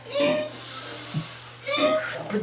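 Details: A 14-year-old boy's whooping cough (pertussis) attack, occurring 5–6 times a night for 3 weeks: high-pitched crowing gasps separated by noisy breathing, the inspiratory whoop.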